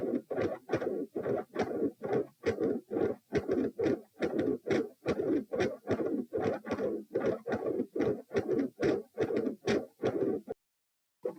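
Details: Heart sounds recorded at position P with the subject lying supine: regular heartbeat about 70 a minute, each beat followed by a rushing whoosh filling mid-systole; a mid-systolic murmur.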